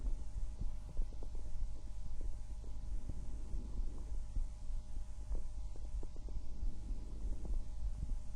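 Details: Person's own normal heart and breath sounds through a stethoscope.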